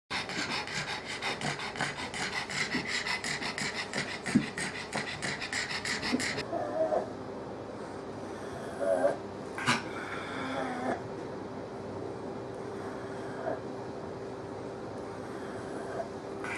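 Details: 9-year-old 7.46-kg female Pug with acutely worsened stridor; epiglottitis and severe laryngeal collapse on laryngo-tracheoscopy; rapid, harsh, high-pitched stridor with mouth open, low-pitched expiratory sound with mouth closed.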